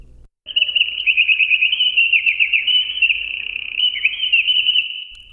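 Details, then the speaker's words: Simulated hearing aid output demonstrating Siemens Micon frequency compression, with both minimum and maximum frequency moved upward: birdsong-like chirps squeezed into a narrow high-pitched band. "ahora vamos a escuchar cómo suena un ajuste de compresión diferente moviendo tanto el f mínimo como el f máximo hacia arriba por favor escuchen de nuevo"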